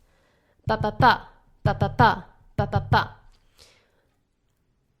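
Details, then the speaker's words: Voiced imitation of an S4 gallop (stiff ventricle, late diastole just before S1): three-beat clusters about 63 a minute, less evenly spaced, more syncopated than S3. "think that s4 sounds less evenly spaced out it almost sounds a little bit more syncopated compared to s3"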